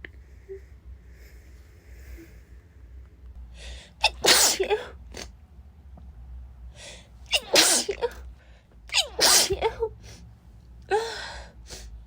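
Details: Woman sneezing nonstop just after waking, half-awake: a run of three to four sharp, explosive sneezes, each with a quick breath in first, quiet pauses between.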